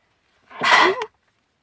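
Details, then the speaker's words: Single forceful sneeze with a sharp burst of air, after trying to hold it back, from a long-haired person with spring pollen allergy on a windy March day; allergic sneezing. "my nose is just so bad trying to there's no point [Music] try to hold it back must sneeze"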